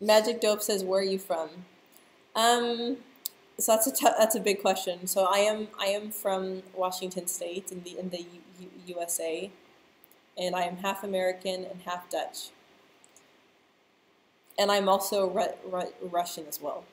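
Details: Adult woman who stutters, speaking live; part-word and word repetitions are audible; stuttering.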